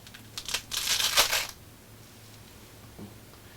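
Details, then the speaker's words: Imitation of lung crackles (rales) made with a blood pressure cuff: a brief burst of fine crackling and rustling. "yo estoy respirando y hago y otra vez algo y otra vez así suena un estertor como ha sonado este fonendoscopio ese es un estertor"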